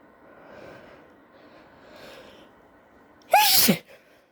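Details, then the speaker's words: Person with suspected allergies and an itchy nose coaxing out a sneeze: quiet breathing, then a single sharp loud sneeze with a voiced onset; ordinary sneeze. "My nose is itchy for I don't know what reason. Excuse me."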